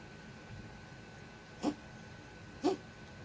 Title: Sprite Cough 2 6.24.19